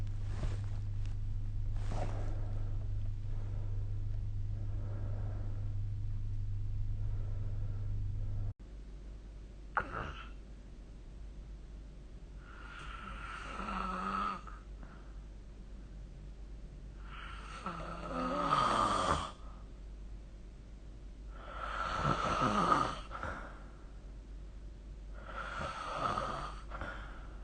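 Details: Snoring recorded with the SnoreLab phone app: after an opening stretch of steady background hum, rough, rattling snores recur every few seconds during sleep.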